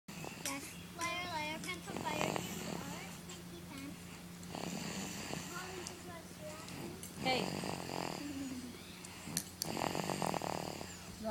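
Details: Irregular low rattling snores with squeaky whistling tones in a quiet room; snoring.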